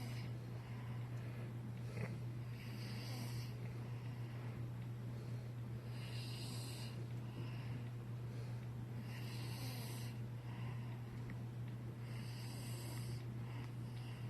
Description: My son snore too much and we cant even wake him up to go to his bed.